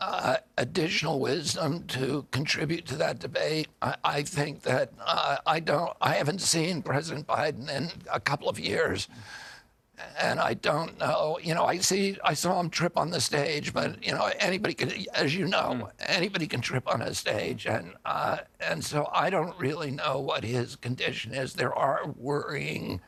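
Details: Adult man; onset at age 42 after a 1996 injury; nerve signals make his vocal cords tighten constantly, cords themselves uninjured; surgery in Kyoto about eight months earlier, now alternative therapies; spasmodic dysphonia.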